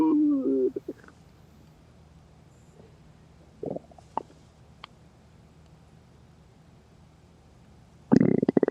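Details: Loud stomach growling (borborygmi) from an adult who had not eaten before or during work after forgetting lunch, very hungry: gurgling growl at start, scattered faint gut noises, then a loud rumble at the end.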